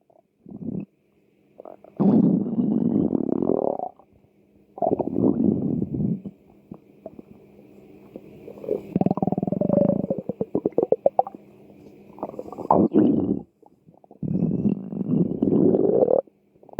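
Repeated low gurgling, rumbling growls in long bursts with brief pauses; normal hunger-related stomach growling.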